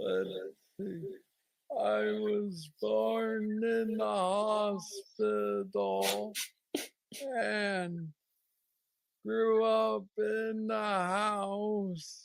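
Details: Man diagnosed with Parkinson's disease at age 35, about nine years earlier, with what he calls the most aggressive form, plus mobility struggles; treated with a brain stimulator implant. Hypokinetic dysarthria (Parkinson's disease).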